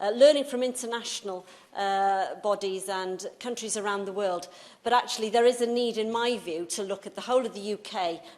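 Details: Adult woman speaking; normal voice.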